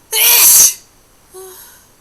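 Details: Wet, hard sneeze: one forceful, hissing sneeze burst followed by a short voiced exhale, with poor microphone quality.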